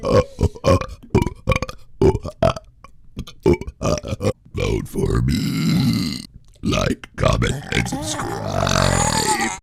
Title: Dad Burping